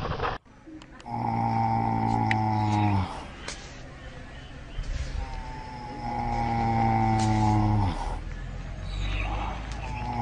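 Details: Animal snoring from a compilation of different animals snoring, species not stated: loud, drawn-out rattling snores lasting a couple of seconds each, with quieter breathing noise between them.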